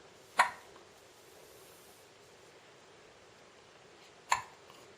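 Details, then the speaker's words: Two sharp, brief hiccups about four seconds apart in a quiet room, from a baby being filmed at night; hiccups. "These hiccups are always surprising."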